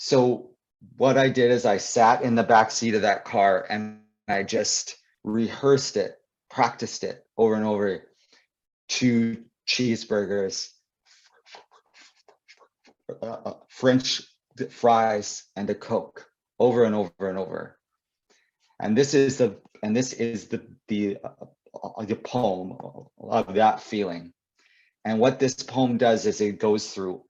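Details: Adult male poet and author who describes himself as a person who stutters, speaking with repeated words and fillers; stuttering.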